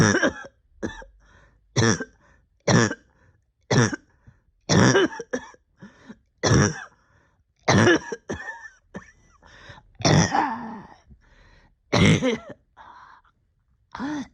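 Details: Persistent cough in a person sick since the end of the previous year, struggling with breathing for about a year: about a dozen harsh coughs singly and in short clusters, some with throat clearing.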